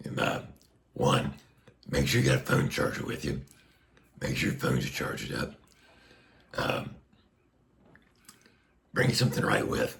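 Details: Adult man speaking through a Passy Muir one-way speaking valve on a tracheostomy placed under a year ago after neck cancer surgery; he reports restrictive, squeezing vocal cords and constant pressure.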